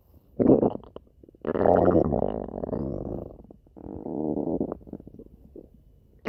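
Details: Stomach growling (borborygmi): drawn-out gurgling and rumbling growls in several bursts.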